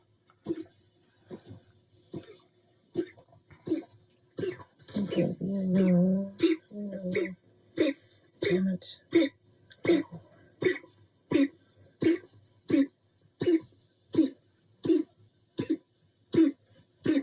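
A dog gives a long run of short, dry hacking coughs, roughly one every three-quarters of a second.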